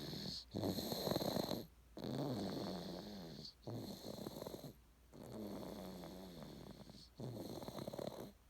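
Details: Ordinary sleep snoring: steady rattling snores on each breath, about eight breaths a minute, with short quiet gaps.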